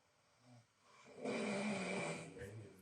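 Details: A man's single loud, rough, rattling snore on an in-breath, recorded overnight by a sleep-recording phone app and played back.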